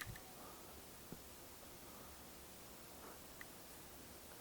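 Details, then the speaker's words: Adult's self-demonstrated snapping hip syndrome, psoas tendon snapping during hip movement; brief, sharp, loud clicks, much more abrupt on the left side than the right; snapping hip. "So you can hear that click. It's much more abrupt on this left side than versus my right."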